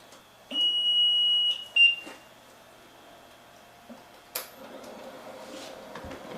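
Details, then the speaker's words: Sustained high electronic beep then a shorter one in a quiet room from a wheelchair-mounted mouthpiece ventilator used by a seated user; something is disconnected, possibly tubing at the bottom; ventilator disconnection alarm. "something conf something's disconnected oh yeah go around the so you can see what's wrong"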